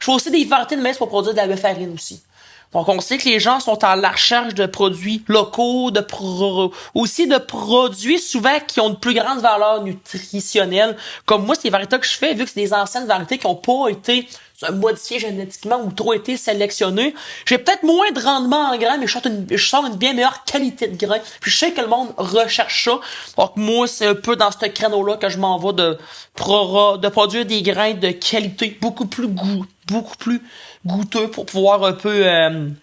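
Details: Adult man, self-described mild stutterer, who had speech therapy as a child; speech with repetitions; stuttering.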